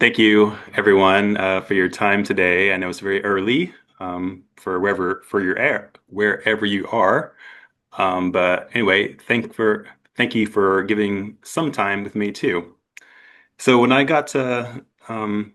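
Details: Adult man with aphasia after an accident, presenting his own story; he describes it as a long road but says he is getting much better.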